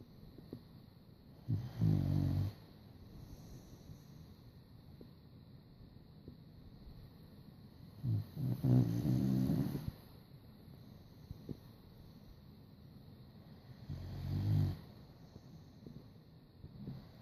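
Three loud, rough, low-pitched snores on slow breaths with quiet pauses between, in a quiet room; ordinary dog snoring.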